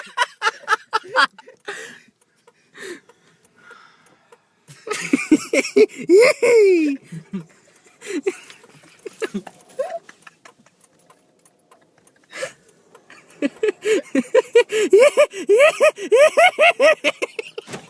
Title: Whooping Cough Postus